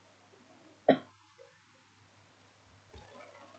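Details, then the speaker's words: One brief, sharp cough from an adult woman who is ill, recorded at 8:16 a.m. while seated and leaning back, with quiet room noise and a low hum. "Ya, sebelumnya mohon maaf juga kalau misal nanti di pertengahan video saya ada batuk-batuk atau suara saya serah karena saya lagi sakit ya, Kak."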